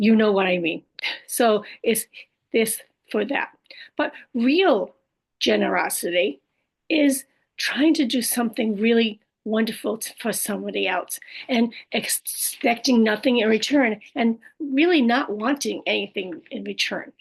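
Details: Adult woman after a stroke with aphasia (language disorder) plus apraxia of speech and dysarthria; her speech can sometimes be hard to understand; aphasia with apraxia of speech and dysarthria.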